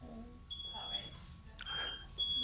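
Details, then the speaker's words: Steady high-pitched bedside monitor beeps over quiet room noise and faint voices in the delivery room, an extremely preterm baby about 26 minutes after birth being handed to mum for a cuddle; routine monitor tones. "i'll apologize in advance for the beats of the monitors it's something you only realize is going on in retrospect but if you can try and hear through the beeps"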